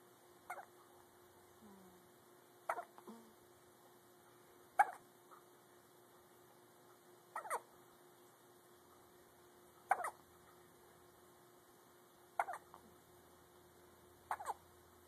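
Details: One-week-old baby with hiccups: soft, abrupt hiccup sounds recurring about every two and a half seconds, roughly 12 a minute, in a quiet room; infant hiccups.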